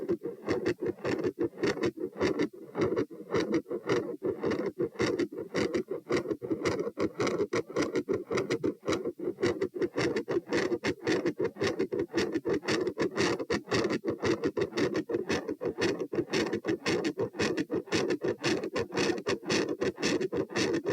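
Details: Heart sounds recorded at position P, standing then lying: fast heartbeat near 110/min with loud whooshing filling the gaps between beats, approaching a continuous murmur. The murmur escalates and later abruptly changes volume and pattern.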